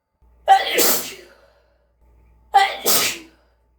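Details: Two sneezes about two seconds apart in a dark room, each a brief intake then explosive spray, lit to show aerosolized mist and droplets; sneezing.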